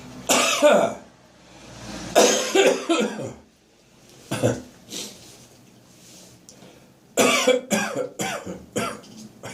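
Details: Morning productive cough in a person who woke full of catarrh: repeated harsh, loose, mucus-laden coughs in clusters with throat clearing and gagging between, a wet cough on getting up.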